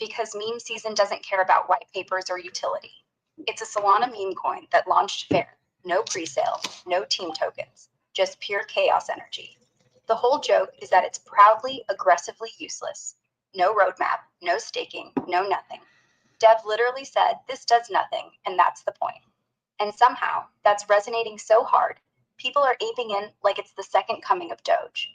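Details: Synthesized adult female voice (AI); fluent speech.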